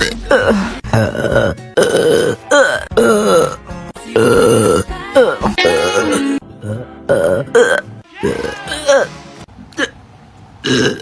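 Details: Many short, abrupt voiced burps in quick succession with music behind; hiccup-like burping; repeated burping.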